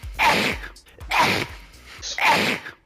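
Three loud, sharp, breathy intakes of air about a second apart: gasping.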